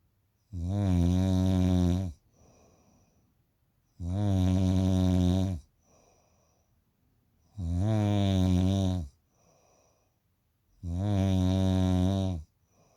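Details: Person of undisclosed sex snoring: loud, buzzing snores on each breath in, about 17 a minute, steady and regular, with soft breaths out between; heavy snoring.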